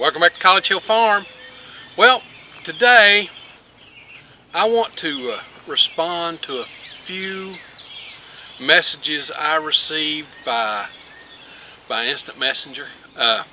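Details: Adult man with long-standing multiple sclerosis, with word-finding difficulty, who quit teaching physics because of it; finding: scanning speech (ataxic dysarthria).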